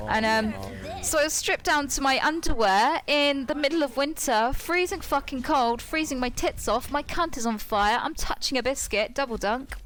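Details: Tourette syndrome in a female speaker, with involuntary vocal tics including coprolalia interspersed in her narration.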